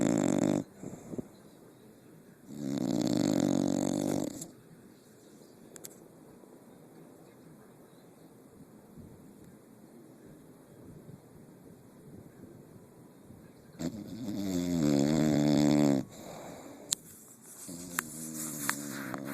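Two long, loud rattling snores about ten seconds apart, with quiet breathing between them. Sounds like ordinary snoring.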